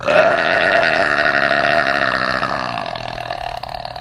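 One long, loud, rumbling belch lasting about four seconds, fading at the end.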